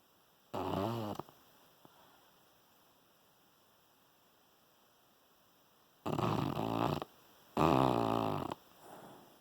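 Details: Dog snoring while dreaming, sounding like a "fart machine": three loud, rough, rattling snores, each about a second long, with steady room hum behind them.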